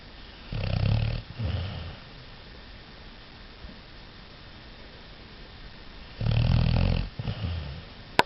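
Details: Overweight beagle sleeping, deep low fluttering snores, two breath cycles with a long quiet gap between them; snoring.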